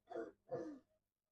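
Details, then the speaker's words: Child with a chest infection coughing on request during chest physiotherapy after percussion (cupping): two short, harsh, throaty productive coughs clearing loosened sputum. "ठीक है, आपने 2 से 3 minute percussion देनी है, और जब बच्चा खांसी करके रेशा बाहर निकालेगा तो आपने लाइट लाइट वाइब्रेशन देनी है ताकि उसका जो रेशा है वो आसानी बाहर निकल आए।"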